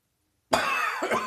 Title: Dry Autumnal Morning Cough.